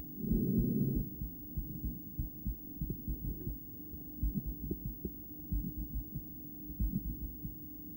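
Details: Adult female heart via stethoscope during breathplay, recorded with ultrasound view: irregular, unevenly spaced heartbeats with noisy opening burst and background hum, intermittent bigeminal rhythm; stethoscope spot suboptimal.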